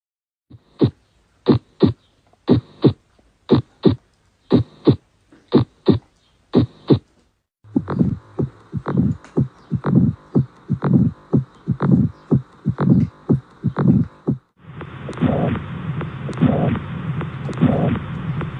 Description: #lub dub🫀 sound🫀